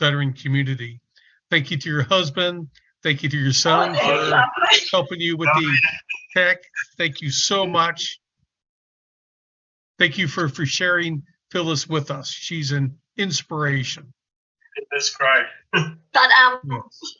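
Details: Adult speaker; ordinary speech.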